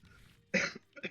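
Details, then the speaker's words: Single short, harsh cough then brief throat-clearing in a quiet room, from a speaker who sounds a bit hoarse and is a little under the weather. "And forgive me if I sound a bit hoarse. I am a little under the weather right now."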